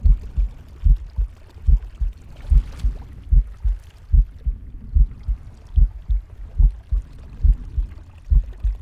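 Regular low thumping near 73 a minute with a soft breath swell in the background; a pig's normal heartbeat.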